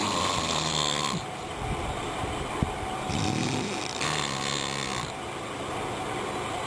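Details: Snoring: loud, rattling snores on in-breaths over a steady background hum.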